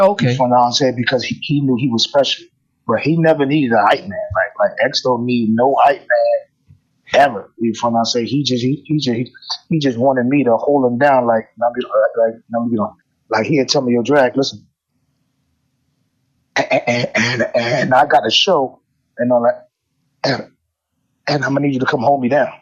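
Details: Adult male rapper with self-described bad stuttering inherited from both sides of his family (father and maternal grandfather stuttered); stuttering.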